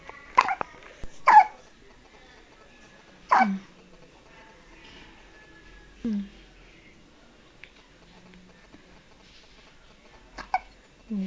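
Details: Hiccups in a baby: short, sharp hiccup sounds at irregular intervals in a quiet room; ordinary infant hiccups.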